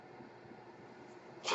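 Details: Podcaster's mechanical ventilator running in the background while he speaks: soft, steady mechanical hiss ending in a sudden louder rush of air.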